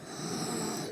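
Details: Harsh, rough, noisy breathing with a snore-like rasp throughout, from a 29-year-old woman with a narrowed, child-sized windpipe who has a tracheostoma and uses an oxygen nasal cannula; stridor.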